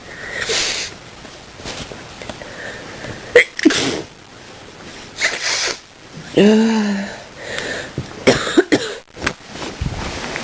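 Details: Person coughing and sneezing in bed in the morning; several sharp sneezes and short coughs with a brief voiced groan in a noisy room; sneezing and coughing.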